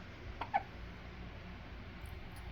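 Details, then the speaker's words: Newborn baby boy, just home, with hiccups: two small, sharp catches a fraction of a second apart over a quiet room background. "has the hiccups. Look at his little hands. And his little feet."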